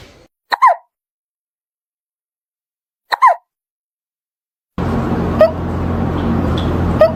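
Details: Cat's hiccups after eating food too fast: two abrupt, brief hiccup sounds about three seconds apart, then background music.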